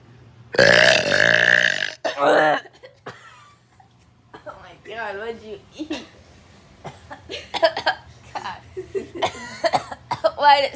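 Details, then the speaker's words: Deliberate long, loud belch followed by a shorter one, made in a sleeping friend's face after eating a tuna sandwich, then talking and laughter in the background. "I'm going to wake up my friend by by burping in his face"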